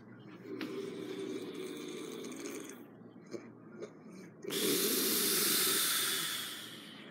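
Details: Roommate snoring loudly while asleep: loud, harsh rattling snores on breathing in, the second one very loud and raspy; heavy snoring.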